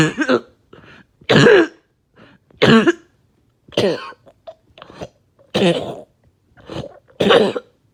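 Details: Productive coughing fit after taking medication, bringing up really thick mucus: about six heavy, wet coughs with gurgling in between.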